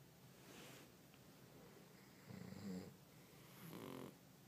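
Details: Sleeping pug snoring in bed next to another sleeper: quiet, slow, irregular rumbling snores with soft nasal snorts over a hissy background; snoring in a small flat-faced dog.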